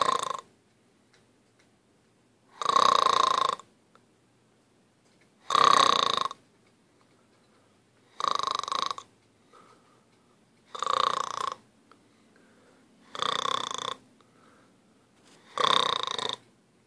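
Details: Seven loud, rough, buzzing snores evenly spaced about every two and a half seconds in a quiet room; heavy snoring.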